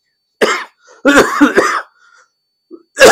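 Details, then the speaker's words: Adult man's cough after pneumonia; he says it comes on after drinking even slightly cold water. "मला आता pneumonia झाला होता ना अमेरिकेत त्यानंतर हा खोकला जरा जरी गार पाणी प्यायलं किंवा ऐकायला येतो"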